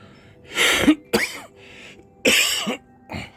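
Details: An adult man coughs and clears his throat during a live-streamed video game session; harsh cough followed by throat clearing.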